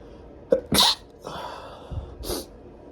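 A quick inhaled catch, then a sharp explosive sneeze and a second smaller sneeze; ordinary sneezing.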